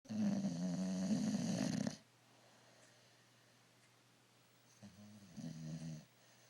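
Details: Bulldog snoring during an afternoon nap: a loud, long, fluttering snore, then a quiet gap and a softer two-part snore.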